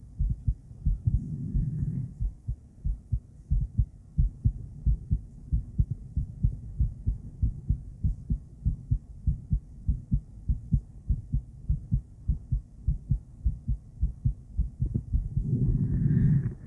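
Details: Female heartbeat picked up with an ultrasonic (Doppler) device; steady, regular whooshing low thumps at about 98 a minute with a slight hum.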